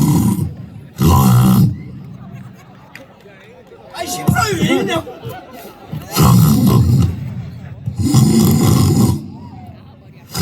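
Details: Deliberately imitated snoring by a contestant at an aging alumni reunion snoring contest: loud, rough, low snorting bursts, roughly five over ten seconds, between quieter gaps, with some crowd sound.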